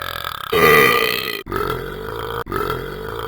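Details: Simulated burping from an animated game character (Talking Ben): a long, loud, voiced burp followed by two more drawn-out belches, then coughs.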